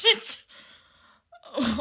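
A short, sharp acted sneeze, then a quiet pause and a brief voiced sound, like a laugh or speech.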